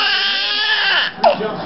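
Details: Infant being fed who would not burp; a brief, tonal, fussy cry that rises and falls, then breaks off into a short sharper cry, with TV sports commentary in the background.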